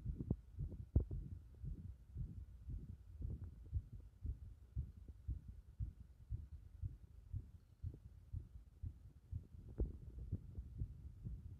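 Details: Heart sounds recorded while the chest was repeatedly pressed in: low, muffled thumps at about 115 a minute, somewhat irregular in strength and spacing, with faint background hum.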